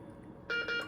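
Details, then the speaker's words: Iradimed MRI-conditional IV infusion pump alarming immediately on loading an IV set whose black clamp lacks its indentation, during training; two short electronic alarm tones. "starts alarming right away so if you ever load an IV set and it starts alarming it's probably your black Clan"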